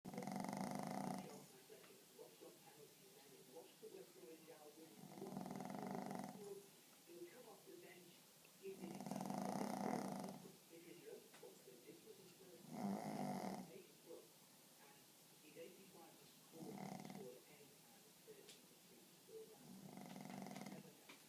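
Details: Snoring pug: loud, rhythmic, rattling snores with each breath, about six breaths in twenty seconds, roughly 17 a minute.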